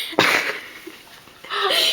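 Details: Female, not allergic to anything and with no irritants present, sneezing voluntarily on demand as part of five sneezes in a row: a sharp sneeze burst and a breathy exhale, then another sneeze starting.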